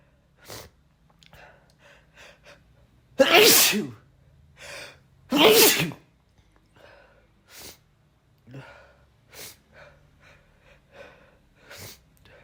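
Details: Really loud, forceful sneezes in a repeated bout with sharp in-breaths, deliberately induced with chhinikkni snuff while the person felt under the weather; sneezing.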